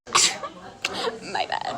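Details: Simulated, exaggerated acted sneeze imitating a comical filter sneeze, followed by odd voiced sounds.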